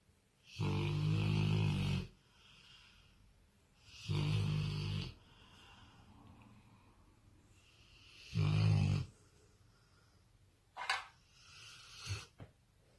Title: Snoring like a boss